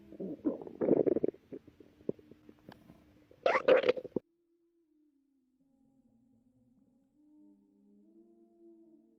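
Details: Stomach growling in a pregnant woman, relaxing before contractions began: gurgling, bubbling rumbles, then a long, low, drawn-out growl from gas and fluid moving through the gut.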